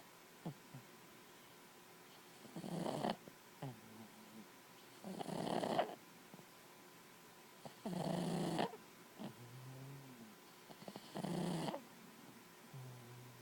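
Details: Snoring from a small pet cuddling close to the owner's ear: a rough rasping snore about every three seconds.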